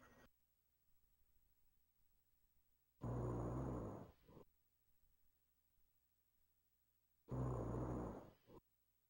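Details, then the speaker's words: Dog snoring while asleep: two loud, low, rumbling snores about four seconds apart, roughly 14 a minute, with quiet room noise between them. "If you snore again, you're fat. This kid snores, he's fat."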